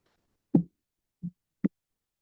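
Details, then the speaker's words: Aortic regurgitation murmur, OSCE case: first heart sound with a soft decrescendo murmur; second heart sound not audible. "So if you listen very carefully, you'll first hear the first heart sound and along with the second heart sound, you will hear this burber."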